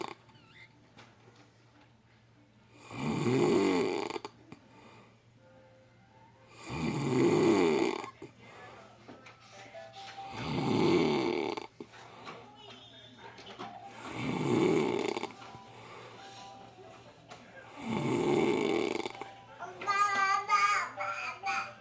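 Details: Snoring in a sleeping man after heavy drinking: five very loud, rattling open-mouthed snores at about 16 breaths a minute; brief background sound near the end.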